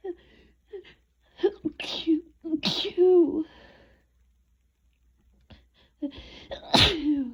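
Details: Sneezing fit during a cold that woke the person up, barely breathing between sneezes: explosive sneezes with sharp in-breaths and short voiced bursts, ending in one loud sneeze.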